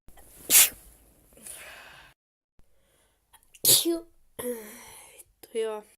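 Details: Two sharp explosive sneezes with quick in-breaths before them, then brief vocal sounds, from a person sneezing repeatedly (reportedly 35 seconds straight); sneezing.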